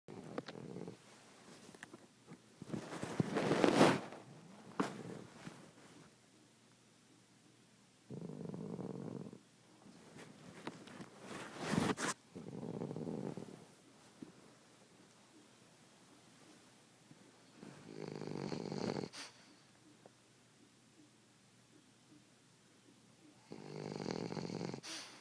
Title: snoring